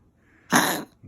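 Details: Dog coughing at about 1:22–1:30 a.m., 24 February, while sick; a single short, harsh, forceful cough in a quiet room; owner thinks ribs hurt from coughing.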